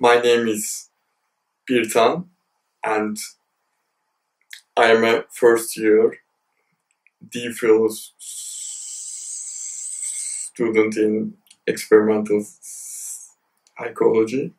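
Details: Male university PhD student who describes his own stammer as heavier, speaking with audible pauses and blocks; stuttering (stammer).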